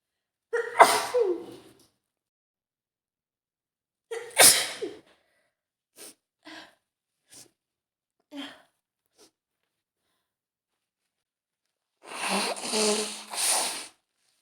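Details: Female with an early head cold caught from her sick boyfriend: several forceful sneezes with sharp intakes beforehand, then a nose blow, in a quiet room.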